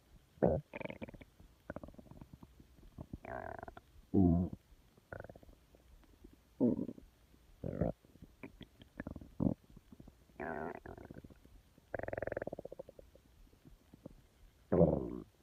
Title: stomach growling 2